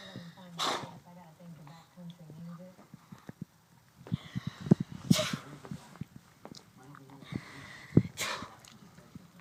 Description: Dexter the chihuahua having sneezing fits